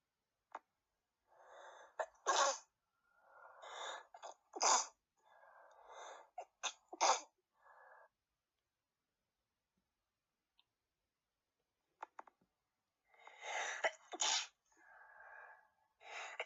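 A series of sharp sneezes, some loud and open, others stifled and muffled, separated by brief pauses in a quiet room.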